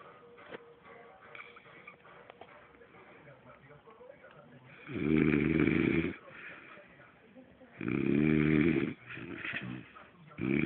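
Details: Loud, coarse, rumbling snoring in regular bursts with each breath in, separated by quiet pauses and faint room noise, from a heavily sleeping man.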